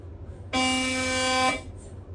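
A loud, steady buzzing tone lasting about one second, with room hum around it; the sound of an MRI scanner's gradients running a sequence.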